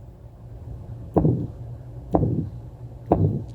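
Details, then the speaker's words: Severe aortic stenosis: three heartbeats, about 60 a minute, each with a loud, harsh murmur; valve closure sound barely audible. "You can still hear the closure sound. You hear this large crescendo, decrescendo murmur."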